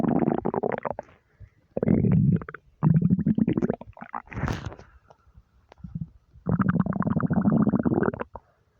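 Several long, deep gurgling rumbles from an empty stomach; ordinary bowel sounds of hunger.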